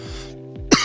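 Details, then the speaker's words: Single sharp cough after inhaling cannabis smoke, over steady background music. "Now, if you've never heard that tone before, it's puffed up as I cough my lungs"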